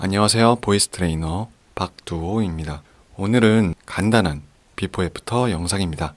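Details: Adult man speaking Korean; normal speech.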